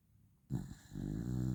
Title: #beagle #dog #pet - Snoring aka Ngorok